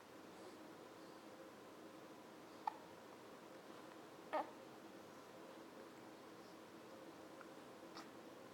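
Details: Infant's daily bout of hiccups, also frequent before birth, while fussing at not being held: two or three brief, sharp catches in breathing in a quiet room; hiccups.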